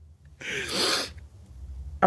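One forceful adult sneeze, a sudden noisy burst of air lasting under a second, in a quiet room.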